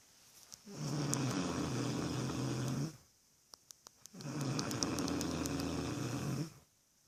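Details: Loud snoring during sleep: two long, rattling snores about two seconds each with quiet pauses between.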